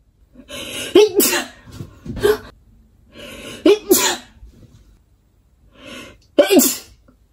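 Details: Female Japanese sneezes, three in quick succession, each with a sharp in-breath before a loud burst, a few seconds apart.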